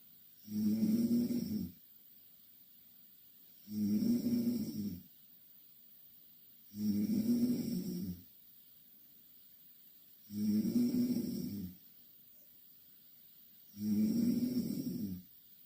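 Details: A person snoring: regular low rattling snores with each breath, about 18 a minute, with quiet pauses between.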